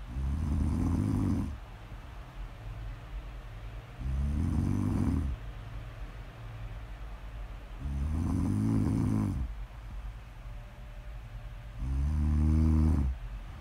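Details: Four loud, low, rattling snores on inhalation at about 17 breaths a minute, with quiet breathing between, in a snore ASMR recording; snoring.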